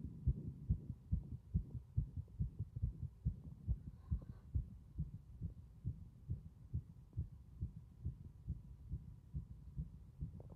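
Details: Strong heart sounds throughout: regular low thumps at about 140 a minute, with a steady faint hum behind them.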